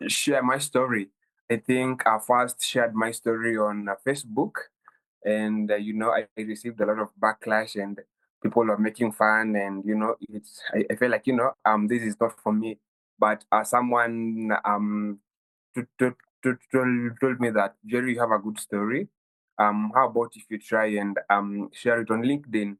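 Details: 23-year-old Kenyan man who has stammered since childhood, with the stammer worsening at university; stuttering.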